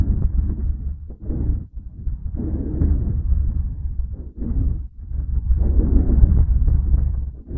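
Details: Soft, low rushing airflow through a stethoscope in a thin dog (body condition score 3 of 9), no added noises: normal vesicular breath sounds.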